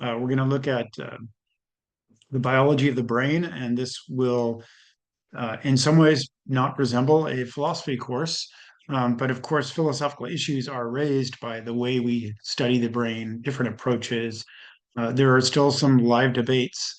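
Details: Adult male lecturer; ordinary speech.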